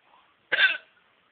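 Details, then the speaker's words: Person's unusual new kind of hiccup, with a body jerk seeming to come just before the sound; hiccup. "I got as I got that new kind of Hiccup listen never heard this hiccup before it's coming"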